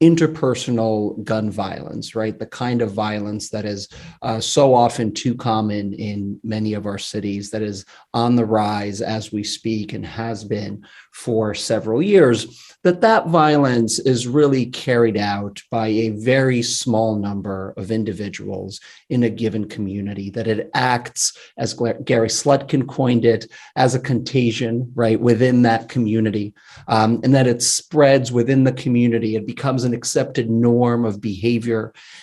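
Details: Adult male speaker; normal speech.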